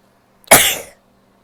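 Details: Female, single sharp explosive burst of air through nose and mouth fading within half a second: a sneeze, among stifled sneezes and a nose blow.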